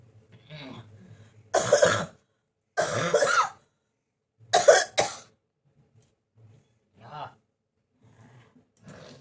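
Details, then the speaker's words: Persistent cough from a cold lasting many days: several loud, harsh coughs in short bursts with quiet gaps between. "देखो फ्रेंड्स कितना काशी हो रही है मेरा गॉड।"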